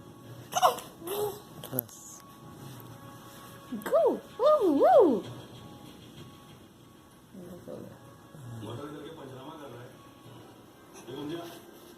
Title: Little champ trying to say something 😱 Watch till the end for the cutest sneeze & hiccups🥰